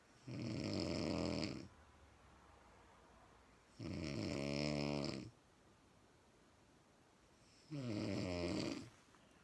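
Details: Female snoring: three long, loud rattling snores on the in-breath, about 17 a minute, separated by quiet pauses; typical snoring.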